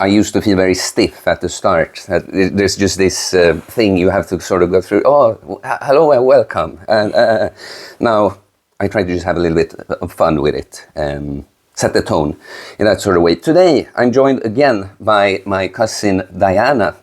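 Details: Adult man speaking; no speech disorder.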